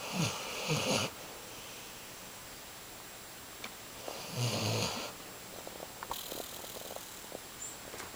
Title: Humphrey The Basset Hound Snoring